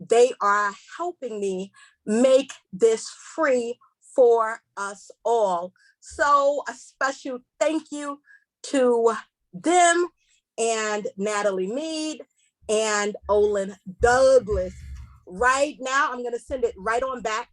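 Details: Stuttering in a female seminar host who describes herself as a stutterer and says she will stumble over words during the seminar.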